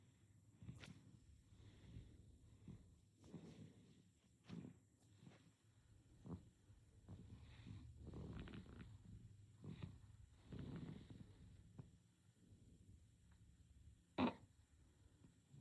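Soft, irregular snuffly and rumbling breath noises from a sleeping infant: light snoring.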